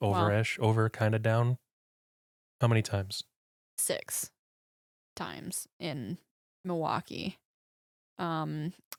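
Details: Aphasia in a young woman after a stroke at age 14, 11 years earlier, with right hemiparesis, vision impairment and 8 head surgeries; speaking in podcast conversation.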